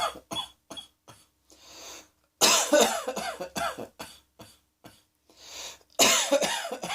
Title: Cross Dressing Coughing 30